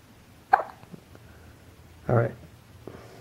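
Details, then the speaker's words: Breastfed infant boy with hiccups: two short, abrupt voiced catches about one and a half seconds apart in a quiet room. "got the hiccups buddy when you got the hiccups you got the hiccups and there's no denying it"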